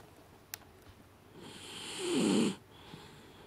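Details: Deaf Jack Russell dog asleep in a quiet room giving a single soft rising snore on one breath; snoring.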